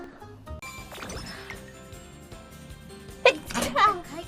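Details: A quick sneeze, then a second voiced sneeze burst, over background music, from a streamer's sneeze compilation.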